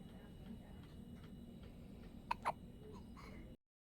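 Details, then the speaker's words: Two quick, sharp, violent hiccup catches close together from a little baby against steady low background hum; hiccups. "Oh, darn hiccups. So violent in little babies."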